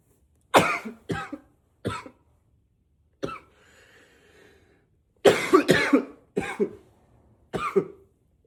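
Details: Simulated unstoppable coughing fit, first trying to stay quiet by coughing into a pillow: about eight harsh, forceful coughs in quick clusters with faint breathy pauses, muffled at first, then louder.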